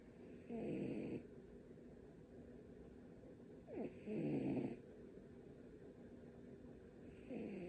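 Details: Soft rhythmic rattling snoring about every three seconds from a rescued male cat asleep on the owner, described as having a snoring problem; snoring.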